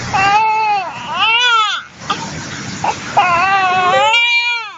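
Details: 2-month-old baby crying because her father is out of sight: loud, rhythmic wailing with brief breaths between cries; infant distress cry.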